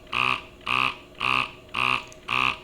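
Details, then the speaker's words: Medela Freestyle Flex electric breast pump motor running: five rhythmic whirring cycles about two a second, buzzing hum with short pauses. "Okay, tanggalin ko muna siya para mas marinig yung motor. Yan yung motor."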